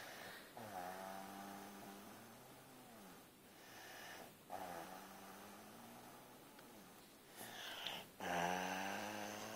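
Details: Male asleep with drawn-out buzzing, whistling breaths repeating steadily in a quiet room; snoring.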